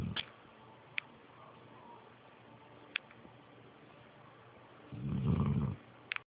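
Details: Snoring: a quiet stretch with a few clicks, then one low rumbling snore lasting under a second.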